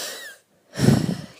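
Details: A brief, faint high-pitched whistle on a breath, then a pause and a low rough breath, from an adult feeling run down and ill with sneezing and coughing; mild wheeze.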